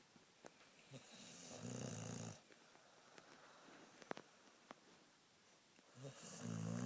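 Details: Sleeping Pit Bull dog: low rattling snores in long drawn breaths with quieter pauses between, in a quiet room; snoring.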